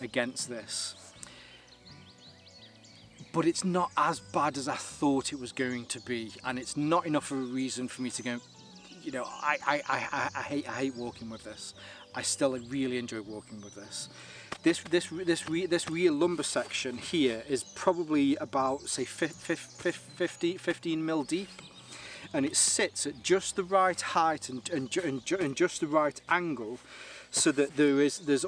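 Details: Stuttering in an adult man whose stammer is linked to his anxiety; he takes propranolol, which he says has helped, and the stammer is lingering but improving, easier when talking on camera.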